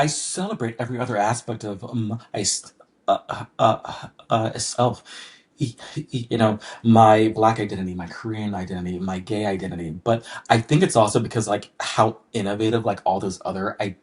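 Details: Adult man who has stuttered since childhood, describing it as one of his most pronounced challenges; stuttering.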